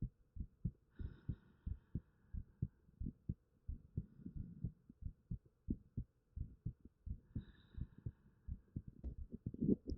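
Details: Own normal heartbeat recorded with a 3Dio binaural microphone: steady low paired lub-dub thumps at roughly 90 beats a minute, with faint room hum.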